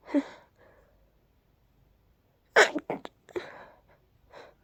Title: Desperate Pollen induced sneezes 🤧